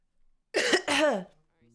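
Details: Two quick, slightly rough voiced coughs or throat-clearing bursts from a streamer who says their throat is tired and voice strained from pushing it too hard lately, in a quiet room.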